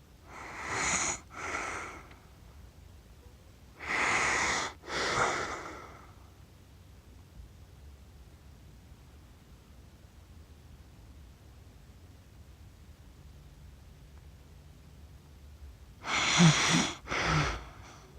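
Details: Paired rasping, snorting breaths with long quiet gaps: an adult snoring in sleep, captured by accident over 47 minutes after falling asleep while filming cats; they describe their snoring as funny.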